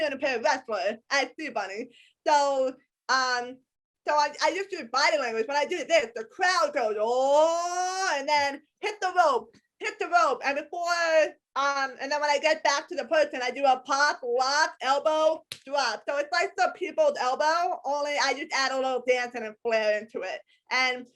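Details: Adult woman with a lifelong disability and a self-described speech impediment despite a lot of speech therapy; some people have told her she sounds hearing impaired; speech impediment.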